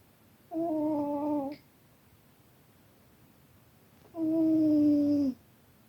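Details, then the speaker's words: Pet cat snoring loudly while napping: two drawn-out, whistling snoring breaths separated by a few seconds of quiet. "you okay you're snoring so loud didn't mean to wake you go back to bed"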